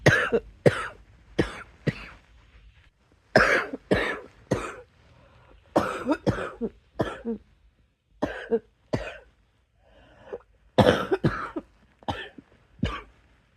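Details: Coughing fit: repeated harsh coughs in close clusters, about eighteen bursts in under fourteen seconds.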